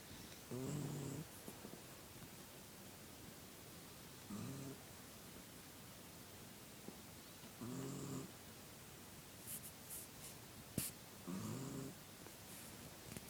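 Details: Sleeping female puppy snoring, foot twitching when her lip was touched and after taping; she farted, then resumed: four short buzzy snores every three to four seconds, about 16 a minute, over room noise.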